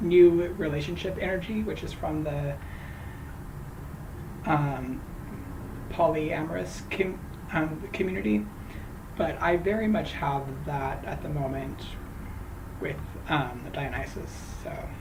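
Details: Woman who says she stutters, especially on a particular name, talking while crocheting; stuttering.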